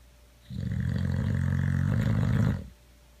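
One long, deep, rumbling snore lasting about two seconds; loud snoring in a sleeping dog.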